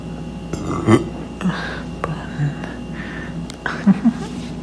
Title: Femboy burps !!